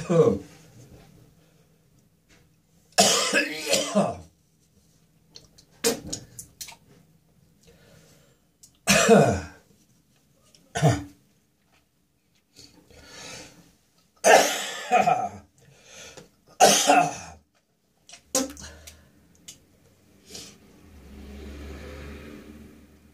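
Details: Adult with a throat infection: repeated harsh, forceful, tickly coughs and throat clearing with some gagging and spitting.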